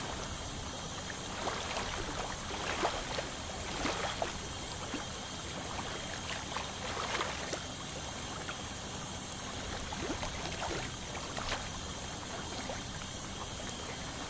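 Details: Dental scaling to remove tartar from a 29-year-old male's teeth: a steady spray hiss with faint, scattered, scratchy ticks of the instrument on the teeth.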